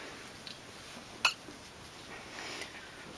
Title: hiccup baby ^O^